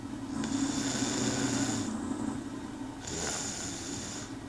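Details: Girlfriend (jokingly called a panther) snoring while passed out: low, rasping, drawn-out breaths rising and falling twice, with a steady high tone in the background.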